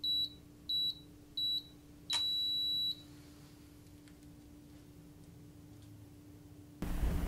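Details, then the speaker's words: Digital automatic home blood pressure monitor (not a wrist monitor) used by an adult on herself: three short high beeps then one longer beep over a low hum as it records pulse and signals the measurement is finished. "you hear the beeping noise that's also taking my pulse you see what your heart rate is doing"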